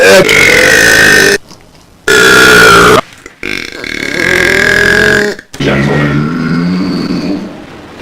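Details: Idubbbz deliberately burping for a minute: four long, loud, voiced burps with brief pauses, heavily distorted by the amplified recording; prolonged deliberate belching.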